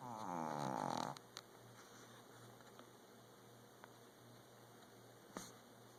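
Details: Loud snoring from a sleeping dog.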